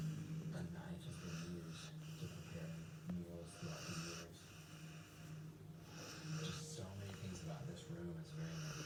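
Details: Resting dog snoring with her eyes open: low, buzzing snorts on each breath over constant background hum and room noise.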